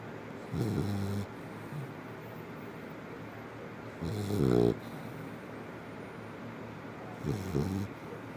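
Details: Sleeping Labrador Retriever snoring: three low, rattling snores on inhalation, about 20 a minute, over steady room hum.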